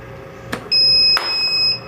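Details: A click, then a steady high electronic tone lasting about half a second: the SeQual Eclipse 5 portable oxygen concentrator's alert when AC power is removed and it switches from mains to battery power.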